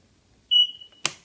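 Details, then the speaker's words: Oxygen concentrator power-failure alarm during maintenance check: unplugged from outlet, a single high-pitched beep then a click, confirming the switch works; unit passed. "so we should hear a beep there we go and it'll continue beeping until you turn it off"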